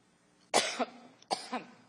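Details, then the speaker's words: An adult woman, in a roughly two-minute coughing fit while giving a speech that water and a lozenge did not relieve; an ENT specialist suggests possible throat burn reflux. Two harsh coughs in quick succession, each with a trailing expulsion. "wow coughing fit lasted a full two minutes even when it finally subsided her voice still sounded strange"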